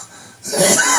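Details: Adult man with cancer since 2004, on Alimta chemotherapy every 3 weeks, with voice loss since June 2008: a single harsh, dry, painless, nonproductive cough burst. He coughs about 50 times daily, about 15 coughs at a time, as part of a chronic dry cough.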